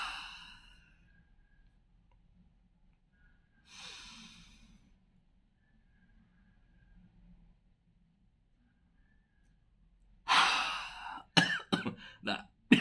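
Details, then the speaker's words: Productive cough right after a breathing exercise (inhale, hold 2 seconds, inhale again), with phlegm felt coming loose. "batuk tuh teman-teman saya langsung ada reaksi dahak keluar ketarik bisa dengar tadi"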